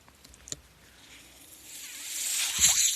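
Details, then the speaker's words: A few faint clicks, then a soft hiss of airflow swelling over about two seconds from the mechanical ventilator of a man recording a podcast; ventilator delivering a breath. "That noise you're hearing is my ventilator, and welcome to Page Turners They Were Not, my Star Wars podcast."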